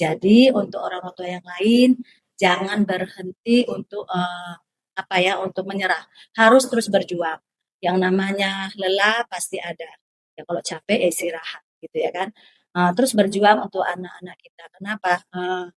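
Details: Adult woman speaking Indonesian; normal speech.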